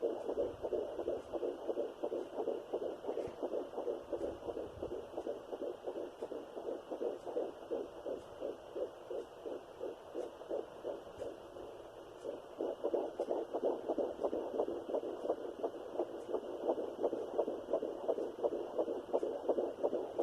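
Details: A fetal heartbeat at 12 weeks of a third pregnancy, after two miscarriages, on a Sonoline B fetal Doppler with a 3 MHz probe: rapid, regular whooshing thumps at about 170 beats a minute.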